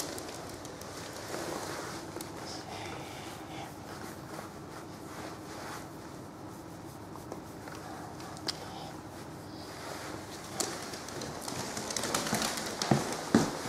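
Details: 9-year-old female Yorkshire Terrier with primary tracheal collapse and a 1.5-month history of severe stridor on exertion, after tracheal stent placement: soft steady background noise and faint scuffs with no harsh noisy breathing, so no stridor.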